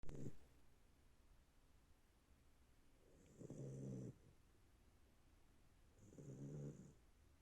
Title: They puppy is snoring!